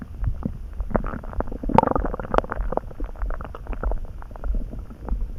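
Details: Bowel sounds (borborygmi) that came on suddenly, neither hungry nor too full, felt in the pit of the gut and easing after a snack: continuous low gurgling and rumbling with bubbly pops from gas and fluid moving.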